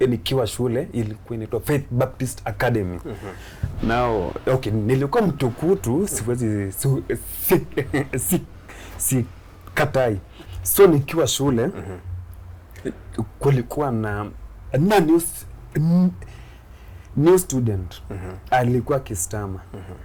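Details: Stuttering (stammering) in an adult Kenyan male comedian who began stammering in school; he finds plosive sounds especially difficult and shakes his head when he stammers.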